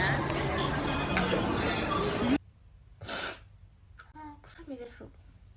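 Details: Japanese girl sneezing: after loud background talk and music, a single brief sneeze followed by a short voiced exclamation.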